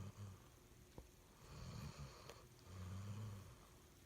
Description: 07-31-2019 Caught Mae Mae snoring on our bed. 💕🐼💤